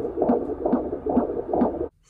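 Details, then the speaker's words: Fetal heartbeat at 23 weeks 3 days of pregnancy in a teen mother, recorded at a doctor's appointment: rhythmic whooshing Doppler pulses, steady at about 130 beats a minute. "I'm gonna insert a video clip right here from when they took the heartbeat at the doctors so y'all can hear it I am 23 weeks and 3 days today so here's the heartbeat"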